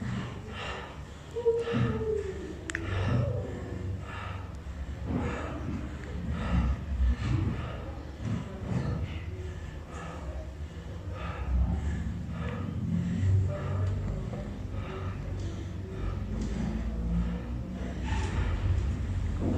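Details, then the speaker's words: Lung auscultation with the patient asked to breathe heavily, as if tired: deep, heavy breaths through a stethoscope with low rumbling chest noise. "también le pedimos al paciente que respire como cansado"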